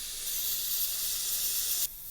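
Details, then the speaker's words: Dental air syringe drying the dentin and enamel of an etched, rinsed tooth preparation before re-wetting the dentin with benzalkonium chloride: a steady loud hiss of air for nearly two seconds that stops abruptly. "I would prefer to dry the dentin as well as the enamel, and then to re-wet the dentin with a preparation which is an aqueous solution of benzalkonium chloride."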